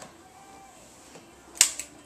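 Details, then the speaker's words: Quiet room, then a single sharp snapping click with a faint echo from a spring-loaded activator instrument at very light force, adjusting restricted spots of a child's spine during pediatric chiropractic care; activator instrument click. "so with him I'm going to use an activator tool it's very light force it just kind of clicks"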